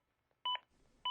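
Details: Two short, sharp electronic beeps about half a second apart: a ZOLL AED Plus metronome pacing chest compressions during CPR in an AED training demonstration.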